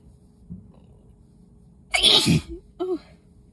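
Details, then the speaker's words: Person sick with an illness plus dust exposure, sitting pulled over in a car, mid sneezing fit: one forceful, explosive sneeze after a sharp inward breath, then a short voiced sound. "these are nuts foreign oh my God sometimes when it gets like this it feels like it's never gonna stop"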